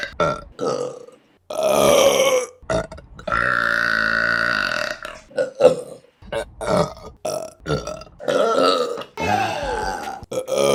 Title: Burping Compilation December #1 | RBC